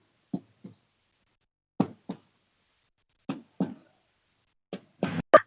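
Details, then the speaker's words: Abdominal percussion on an adult male patient across all four quadrants during a physical exam; paired taps give a hollow, drum-like tympanic note, the normal finding. "Lakukan perkusi di keempat kuadran pada abdomen pasien. Suara normal yang dihasilkan adalah suara timpani."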